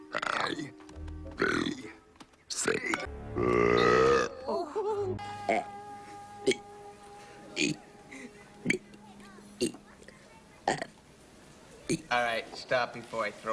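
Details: Burping scenes compiled from movies: short clips of loud burps with one long drawn-out belch, mixed with speech and music.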